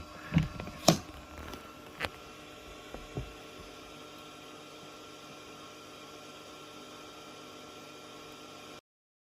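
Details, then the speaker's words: Nebulizer for a 13-year-old Pomeranian with tracheal collapse and a sudden bout of goose-honk coughing: a few handling knocks, then a steady mechanical hum and hiss of the running nebulizer. "기침 나올 때는 이렇게 네블라이저를 해줘야 되거든요"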